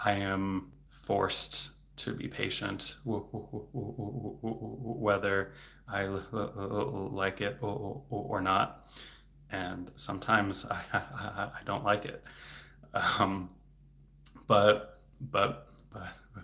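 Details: Adult male speech-language pathologist who stutters, speaking in a livestream, with word repetitions; stuttering.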